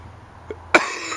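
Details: An adult, outdoors at a lake during a 420 smoking session, gives one abrupt, harsh cough burst after a faint catch in the throat, with a low outdoor hum in the background.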